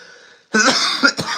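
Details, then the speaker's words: An adult who says they are still sick with a common cold gives two harsh, loose coughs over a brief, quiet room hum: cough. "I'm sorry if you hear me coughing or wheezing or whatever but yeah man I'm just I'm still I'm still sick"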